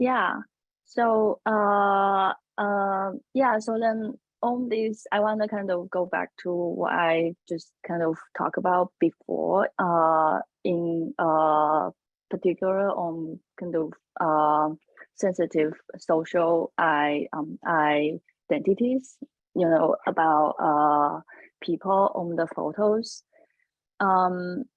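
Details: Adult woman panelist who says she has a stutter, speaking English: stuttering.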